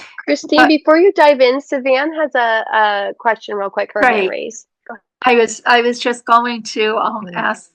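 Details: Adult woman speaking, possibly a second adult joining; typical speech.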